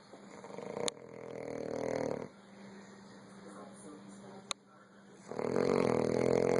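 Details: Grandfather, very tired, snoring heavily in sleep: two loud, rattling snores on successive breaths with a quiet pause and a faint steady background hum.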